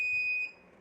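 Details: Respirox oxygen concentrator being set up: one steady high-pitched electronic beep of about half a second, its start-up tone.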